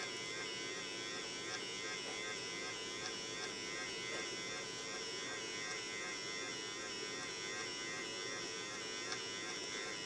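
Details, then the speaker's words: Infinity enteral feeding pump priming its tubing with formula while the prime button is held: a steady, high-pitched motor whine with faint periodic ticks as fluid moves through the line. "And you can see here how the fluid is starting to move through. It takes quite a while, and remember, you do have to hold the button for the priming to occur."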